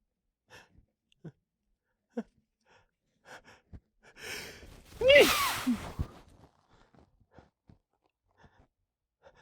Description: Managed to catch a small fit into some tissues. These felt big.